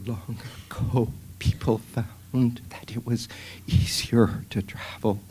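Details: Imitation by a physician of spasmodic dysphonia with intermittent or continuous whispery breaks; acted, not a real patient.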